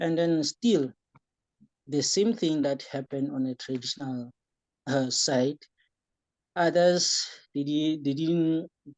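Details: Young man with epilepsy who developed stuttering during the course of his epilepsy and says he still sometimes stutters; stuttering.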